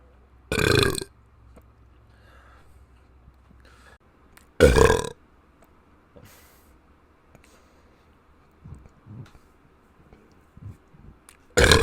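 Three loud, short, throaty burps spread over about ten seconds, with faint room sounds between them.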